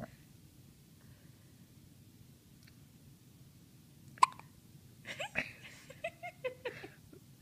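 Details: Three-day-old newborn with hiccups after a first good feed: quiet room, then a sudden short catch followed by small squeaky breath sounds and grunts; newborn hiccups, a normal finding.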